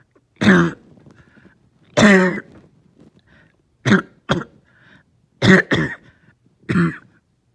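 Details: Seven voiced, hoarse coughs, single and in pairs, over about seven seconds with quiet breaths between, from a person with a lingering cough that started the night before, along with a headache; a cough.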